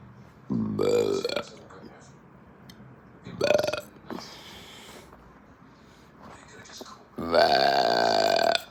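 Three loud, drawn-out voiced belches with quieter gurgling between them: repeated burping.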